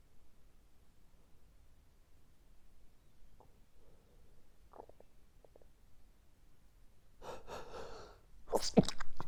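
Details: Quiet breathing and faint snuffles, then a forceful sneeze and a quick sharp follow-up near the end: a morning allergic sneezing fit, which the person says happens every morning and lasted five more minutes.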